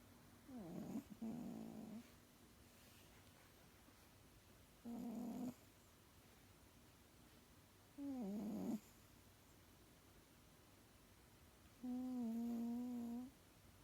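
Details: Sleeping male making strange sounds: soft, irregular hum-like snores with a buzzing, tonal quality, a few seconds apart, in a quiet room; snoring or humming.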